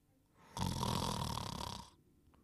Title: Dogtanian Snoring and Whistling in 1 Minute & 9 seconds